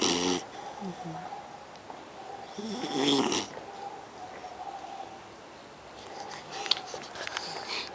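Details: Beagle puppy tired after a long outing, snoring in sleep: irregular snorting snores roughly every three seconds, with light hiss and room noise between them.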